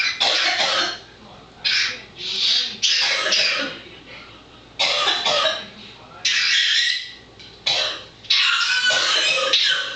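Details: Pet birds Corkey and Rocky imitating their owner's coughing fit: repeated harsh, hissy cough-like bursts in a run, mixed with bird squawks and chatter; mimicked coughing fit.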